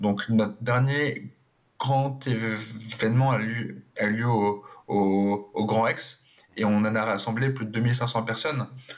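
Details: Adult who stutters, speaking in a French TV interview; syllable and word repetitions audible; stuttering.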